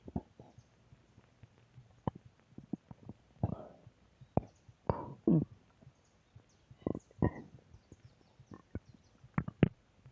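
Irregular low gurgles, rumbles and squeaky bubbling bursts; ordinary stomach growling from gas and fluid moving through the gut.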